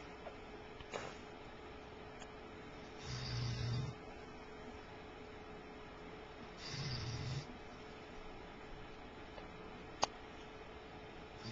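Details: Sleeping dog, filmed with a Flip Video camcorder: two low rumbling snores about four seconds apart over steady hum; snoring.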